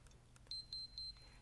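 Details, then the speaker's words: Flocare Infinity enteral feeding pump: three short high electronic beeps as the start/stop key is pressed after setting a continuous-feed dose. "using the pl plus and minus Keys enter the dose to be delivered the range goes from 1 to 4,000 ml in 1 ml increments once you set the dose press the start stop key as"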